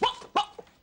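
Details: Dramatized (acted) portrayal of a man with Tourette syndrome producing a short bark-like vocal tic.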